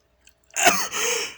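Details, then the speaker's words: A single spontaneous adult sneeze, a quiet intake then an explosive voiced burst trailing into a breathy hiss. It happened unexpectedly while recording an attempt to sneeze with eyes open. "and yeah i can't believe i sneezed right on the spot i was like uh what am i gonna use and then i just happened to sneeze while i was recording the video"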